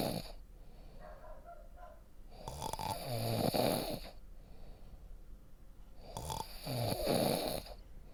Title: snoring sound effect